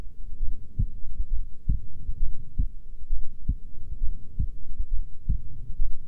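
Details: Female resting heartbeat: steady low thumping beats, about 67 a minute, over a rumbly background; normal heartbeat.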